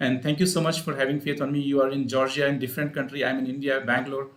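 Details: Adult male speaker; ordinary speech.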